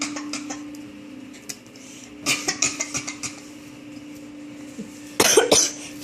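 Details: Dog pretending to cough: short, dry, hacking cough-like bursts, a put-on fake cough rather than real illness.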